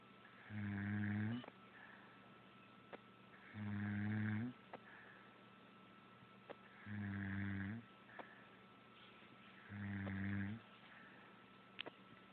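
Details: Regular low, buzzing snores about 19 a minute, each followed by a soft exhale, in a quiet room: steady snoring.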